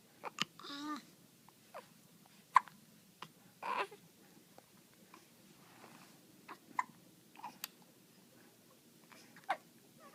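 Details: Infant with hiccups: short, sharp hiccup sounds at irregular intervals, with soft baby babbling in a quiet room.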